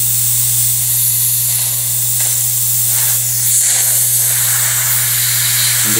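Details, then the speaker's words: Dental sealant procedure, after pumice cleaning of the tooth surface: the air syringe drying the teeth, a steady loud hiss of compressed air over a low hum. "once you've done the cleaning of the tooth surface you have to make sure that you are able to keep that nice and dry"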